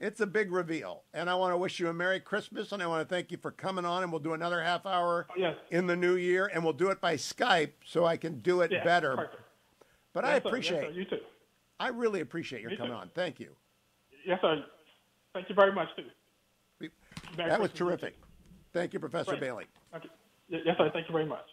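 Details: Adult male speakers in conversation; normal speech.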